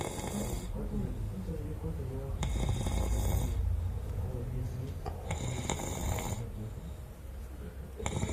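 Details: Man snoring: loud, rough, low rattling snores repeating throughout, with a noisy room in the background.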